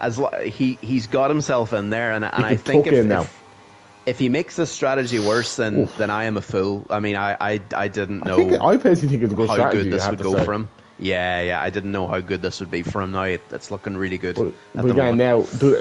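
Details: Adult male speaker; normal voice.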